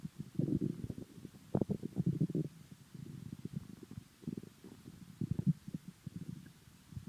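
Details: Low, bubbling gurgles and rumbling bursts come and go irregularly; unclear whether the stomach was full or hungry: bowel sounds (borborygmi).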